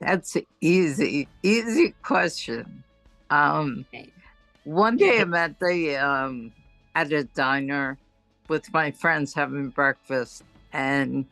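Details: Adult woman with ataxia since about 2001, diagnosed as cerebellar degeneration; her speech worsens as the day goes on, and this was recorded early in her day; ataxic dysarthria.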